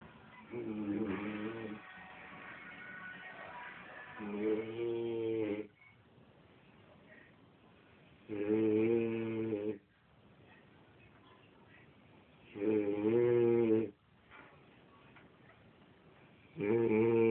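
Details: Snoring during sleep: loud, rough, buzzing snores about every four seconds, with quiet breaths between.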